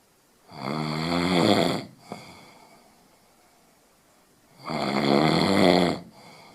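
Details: Two loud, buzzing inhaled snores about four seconds apart, roughly 14 breaths a minute, with quiet exhalations between: snoring.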